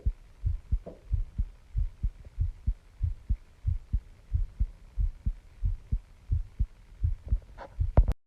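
Steady, paired low thumps of an adult heartbeat at about 90 beats a minute.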